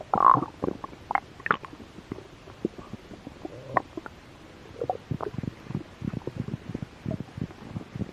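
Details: Stomach growling (borborygmi) from a slightly hungry stomach, recorded for ASMR: low gurgles and bubbling rumbles, loudest at the start and trailing into soft pops.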